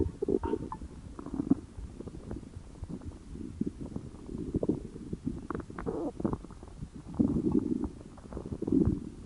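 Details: Low gurgling rumbles and bubbling coming and going throughout; stomach growling (borborygmi).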